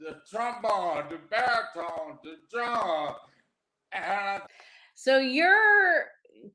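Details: Adult man with aphasia after three strokes, the first about 13 years earlier; aphasia.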